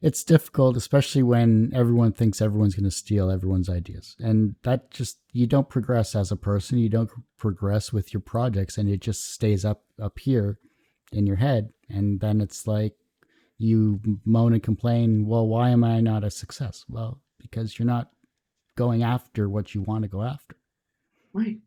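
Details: Adult man speaking; normal speech.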